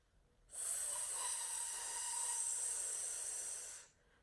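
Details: Speech therapist models correct central airflow for /s/ by blowing down a straw, as a lisp-correction technique.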